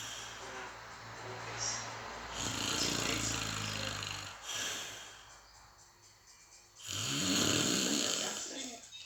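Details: Person snoring: two loud, rough, rattling snores on each breath in, separated by quieter breathing.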